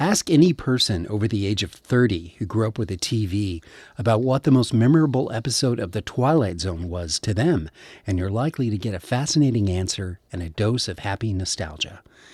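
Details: Adult male speaker; typical speech.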